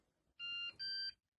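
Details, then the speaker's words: Two short, clear electronic tones from a bedside home monitor on finishing its reading of an implantable loop recorder (ILR) used after fainting/collapse episodes; the screen then prompts to replace the device while data transmits to cardiology. "and it's made a bpin noise and the screen is now telling us to replace the device what it's now doing is sending that information across to the Cardiology team"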